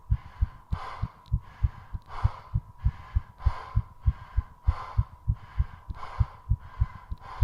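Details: Strong regular heartbeat near 100 per minute with heavy breathing during recovery, which included short breath-holds, after a 3.5-minute squat session: fast heartbeat after exercise.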